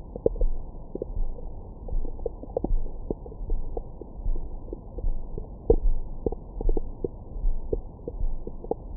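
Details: Abdomen recorded with a Stemoscope stethoscope microphone after a large meal: irregular low gurgles and brief squeaky pops over a steady low rumble. Active bowel sounds, normal.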